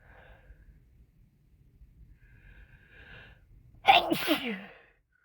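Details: A faint breathy build-up, then one loud, explosive sneeze with a voiced tail, from a sneeze compilation recorded mostly while sick with a cold; some sneezes induced, the person trying to hold it back.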